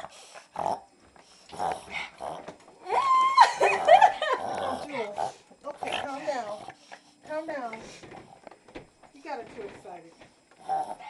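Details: Dog with recurring reverse sneezing; owner suggests holding her nose and giving water. Repeated rapid snorting, honking inhalations typical of a reverse sneezing episode.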